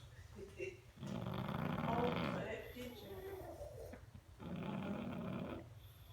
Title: Abby the Pug snoring